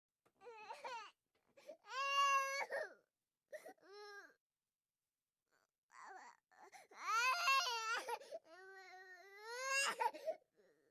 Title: Baby Crying Sound Effect #6 No Copyright Sound Effect